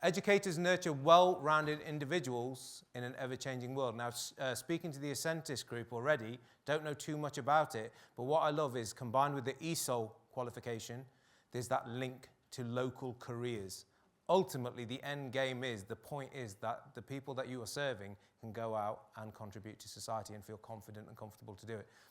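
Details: Adult male speaker; no disorder.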